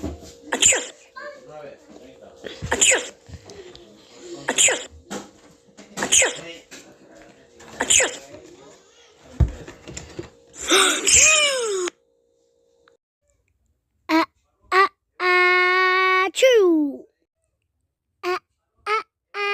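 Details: Repeated sneezes: a run of sharp, hissing bursts followed by voiced outbursts with gaps, with crying and screaming heard afterward.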